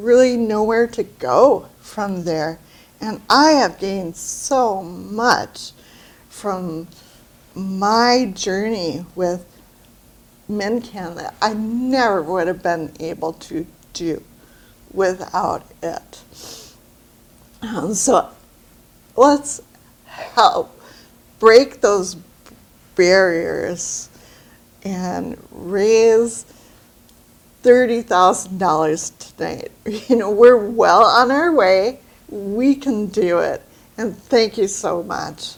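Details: Woman with aphasia following a brain bleed, attending aphasia conversation groups for three years; aphasia.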